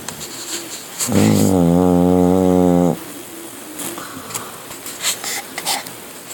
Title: Milton Snores...